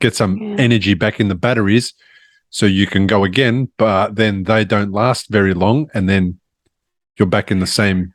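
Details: Adult man speaking; normal speech.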